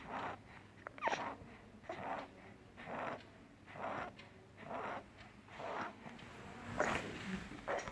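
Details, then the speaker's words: 3-year-old child with pneumonitis, chest indrawing and fast breathing: rapid noisy breaths with coarse crackles (crepitations and rales) through each breath. "Hello friends, this was a video of 3-year-old child having neonitis, says enjoying variable with fast breathing, rales and capitation hard distinctly due to accumulated mucus and bronchial spasm."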